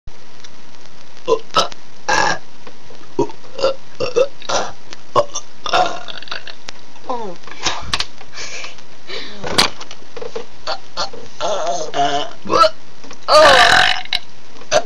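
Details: Two people hold a deliberate burping conversation, with repeated loud voiced burps, some stretched into words, and short gaps and breaths between: burping.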